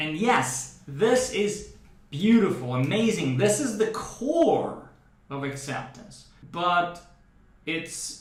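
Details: Adult man who stutters, with a brain predisposition he describes as a speech processing–articulation mismatch; using the 'training speech' developed in speech therapy for stuttering; stuttering (controlled fluency-shaping speech).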